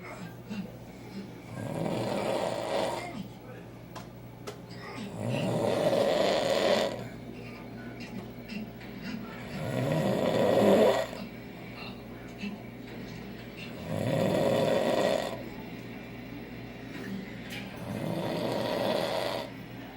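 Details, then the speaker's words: Adult husband snoring during nightly sleep: loud, rasping snores repeating steadily at about 14 breaths a minute, with quieter exhalations between; heavy habitual snoring. "have to sleep beside this every night. And so does my 14-month-old. So cute, with the loudest damn snore."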